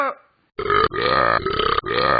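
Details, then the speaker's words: Animated cartoon dog character (Talking Ben app for iPhone/iPad) produces a long, loud, voiced belch in a few pulses as a sound effect: simulated burping. "Ben? Your burp is so cool. Yes. I know, right?"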